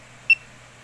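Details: Fingertip pulse oximeter on an adult father's finger: pulse beeps at a normal rate; reading 96% oxygen saturation, pulse rate 65–66.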